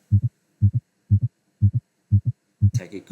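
Regular paired lub-dub heart sounds at about 120 beats a minute, with brief talking near the end: a fast heart rate, tachycardia, on a simulator.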